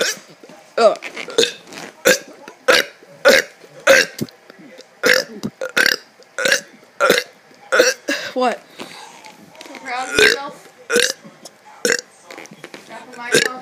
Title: Mega burps 3